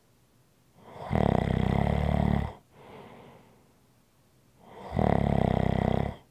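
Loud rattling snores on each breath in, a softer breath out, about 15 breaths a minute: snoring.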